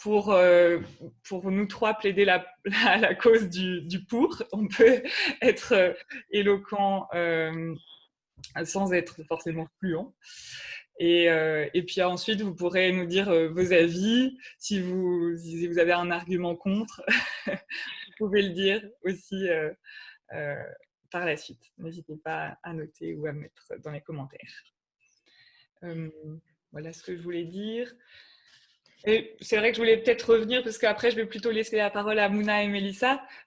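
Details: Adult woman speaking French; no disorder.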